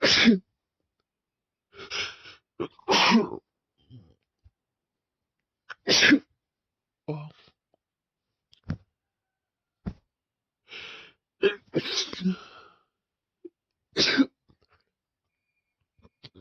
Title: 2nd time using chhinkni (big buildups + wet sneezes)